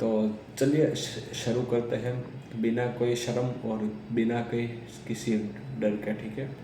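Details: Man who says he is a person who stammers, speaking Hindi; real speech; stuttering.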